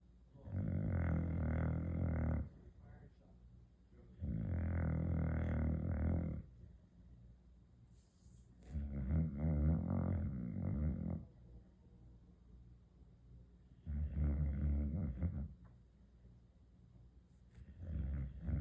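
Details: Boxer dog sleeping, giving loud, low rumbling snores in long drawn-out bursts about every four to five seconds.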